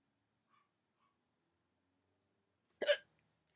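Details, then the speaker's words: Person with ongoing hiccups that seemed to be fading, before trying a drinking method to stop them: silence, then a single sharp, voiced hiccup, a sudden catch of breath cut off abruptly. "see I still have the hiccups"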